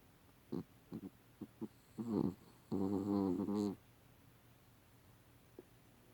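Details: A female dog's short snuffly grunts, then one loud, rumbling, tonal snore lasting about a second, against quiet room noise: snoring.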